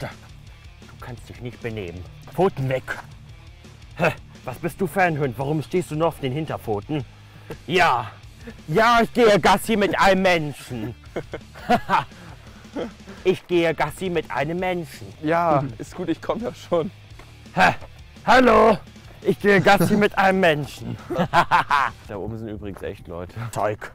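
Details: Man with Tourette syndrome, heard through a streamer's reaction video, with outbursts that appear to be vocal tics; vocal tics (Tourette syndrome).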